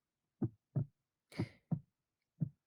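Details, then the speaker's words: Heartbeat played to illustrate the rhythm of iambic pentameter: low, dull paired lub-dub thumps in a steady rhythm near 60 beats a minute; normal heartbeat. "you listen to the heartbeat that's playing now you'll hear what iambic pentameter sounds like"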